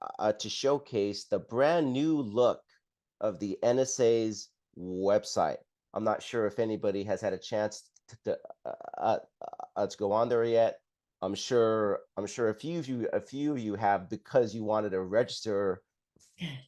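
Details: Adult man who identifies as a person who stutters and describes having blocks and repetitions; real, non-acted speech showing stuttering.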